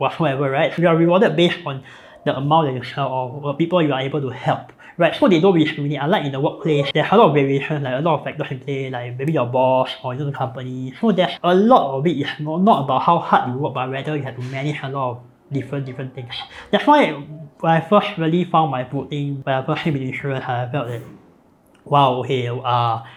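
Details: Adult man born with a cleft between nose and mouth; palate repaired, with numerous facial surgeries from age 13; speech impediment since childhood, difficulty pronouncing some words; cleft palate speech.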